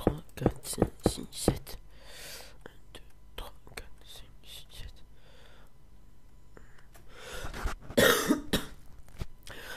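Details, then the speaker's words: Person with a cold, voice changed: a few short, harsh cough bursts, loudest near the end, among rapid clicking and quiet room noise; cough. "oui, je suis enrhumé, c'est pour ça que ma voix a changé. Donc si je tousse, c'est normal."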